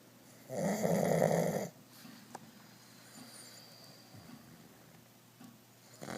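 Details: Two pugs (dogs) sleeping: one loud, buzzy inhaled snore lasting about a second, then quiet breathing with faint room noise; snoring.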